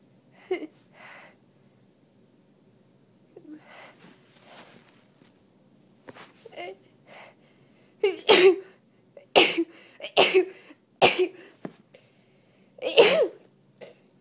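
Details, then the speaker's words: Sneezing while reading aloud, sick with a cold and very congested, worsened by tree allergy from an open window: a run of about six wet sneezes, some partly held back, after quieter breathy intakes. "i also i sneeze more when i when i talk that's why the reading makes me see so so much"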